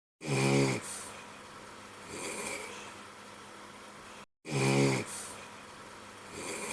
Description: Decided to have a little fun with some clips of snoring I had of my buddy